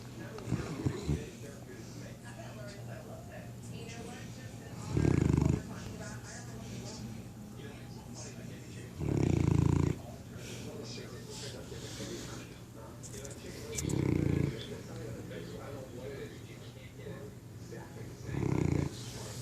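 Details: Sleeping Newfoundland dog giving loud, low, rumbling snores recurring about every four to five seconds: snoring.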